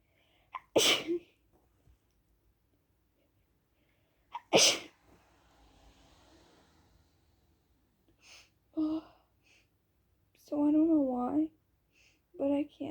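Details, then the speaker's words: A person who says they can't stop sneezing and has a tickly nose, unsure whether it is a cold, and who reports never having allergies: two sharp explosive sneezes a few seconds apart, then talking. "stop sneezing like i don't know if i'm getting cold or what but my nose has been really tickly like i said i never get allergies or anything so i have no clue what's going on"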